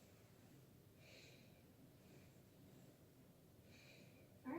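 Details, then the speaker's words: Stethoscope over the anterior chest during a head-to-toe physical exam, patient taking slow steady breaths: two quiet, even breaths over room noise; normal bilateral anterior breath sounds, clear in all bases, no added sounds. "well good so bilateral breath sounds anterior are nice and clear on all bases"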